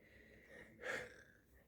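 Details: Wheezing in a patient in the emergency department during an asthma attack.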